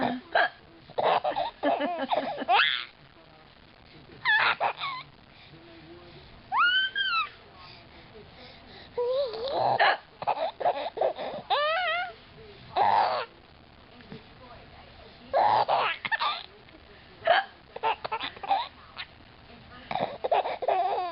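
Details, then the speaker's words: Mother's hiccups with a child laughing: repeated sharp, abrupt voiced hiccups, about eight in twenty seconds, with laughter and babbling between. "Laughing at Mommy's hiccups? Think it's funny? She has the hiccups?"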